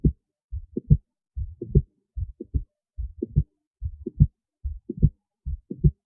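Clear paired lub-dub heart sounds, regular at about 72 beats a minute, against a quiet background.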